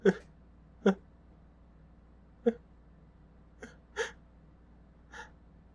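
Six brief, sharp bursts over about six seconds, fitting a run of small sneezes rather than gasps; quiet room.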